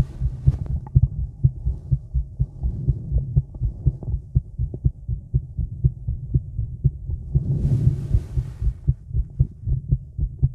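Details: Adult woman's heartbeat recorded outdoors in the woods in the evening, with some stomach noises: regular low thumping, fast at about 120 beats a minute, with a brief burst of rustling noise partway through.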